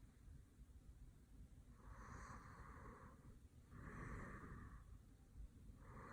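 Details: A sleeping man, whose eyes, nose and mouth are gently handled, snores lightly: repeated hissing, snorting breaths through the nose about two seconds apart over low room rumble; snoring.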